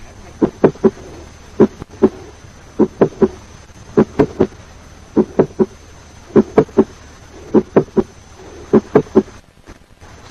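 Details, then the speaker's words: Mid-systolic click due to mitral valve prolapse, heard after ejection systolic click for comparison: high-pitched sound best heard at the apex, about 150 milliseconds after the first heart sound. "Mid-systolic click is a high-pitched sound best heard at the apex, occurring about 150 milliseconds after the first heart sound."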